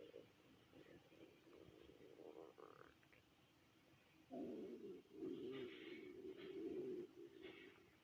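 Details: Adult stomach growling after not eating since the previous day's dinner, through a twelve-hour shift until next morning; low, drawn-out rumbling and gurgling growls getting louder partway through, hunger borborygmi.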